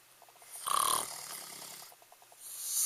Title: king of snore part I